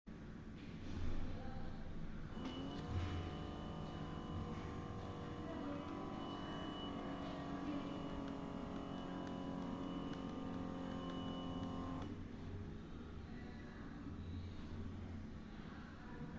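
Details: A blood pressure monitor's motor whines steadily for about ten seconds as the cuff inflates, then stops, leaving soft room noise.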